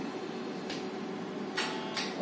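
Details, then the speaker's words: Equipment demonstration of an electrocautery unit in bipolar mode, activated with its switch and visibly sparking: steady electrical hum with brief crackling bursts, bipolar electrocautery unit. "so this is the bipolar option with my switch okay"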